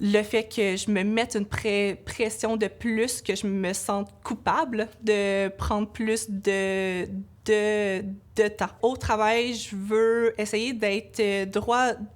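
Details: Adult woman, a laboratory supervisor, who states she stutters; audible part-word and word repetitions; stuttering.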